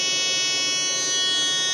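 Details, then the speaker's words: GE Engstrom Carestation ventilator powering on: steady high-pitched electronic start-up tone, then about 30 seconds of loading and a quick self-test before it prompts a pre-use check. Ventilator start-up tone. "don't be scared of India it takes approximately 30 seconds to load up on the door quick self-test and after that it will prompt us to do reuse check"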